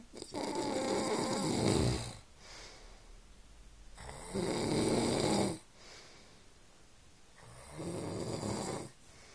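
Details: Adult man (dad) snoring while asleep: loud rough snores on inhalation with quieter breathing between, about 17 breaths a minute.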